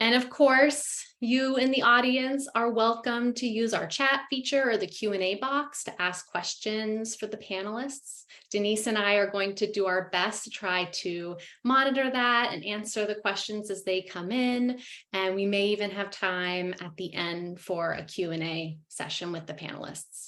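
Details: Adult woman; normal speech.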